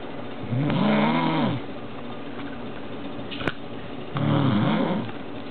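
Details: Woman snoring loudly "like an animal", with two loud, low, vibrating snores about three and a half seconds apart over steady room noise.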